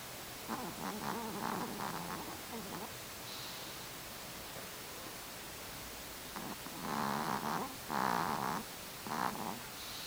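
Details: Asleep, soft, rattling breaths recurring about once a second in short rhythmic runs over steady room noise; light snoring.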